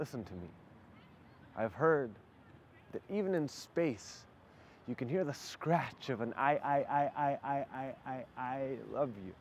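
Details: Stuttering with whole-word repetitions in an adult male poet describing his own stutter, which persists despite hundreds of hours of practice.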